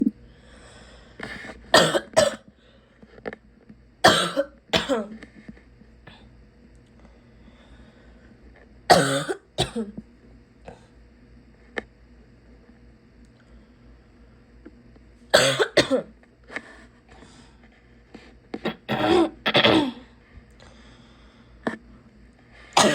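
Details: Adult with repeated harsh, barking coughs in about five short bouts while sick, suggesting an irritated, inflamed upper airway.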